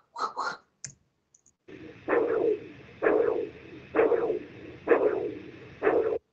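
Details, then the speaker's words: Doppler recording from a man undiagnosed for 44 years with a congenital condition: a whooshing pulse at about 65 a minute, with the femoral pulse lagging the radial. This is radio-femoral pulse delay, suggesting coarctation of the aorta. "i'm using doppler here to illustrate that the pulses so you'll notice that they're happening at different times"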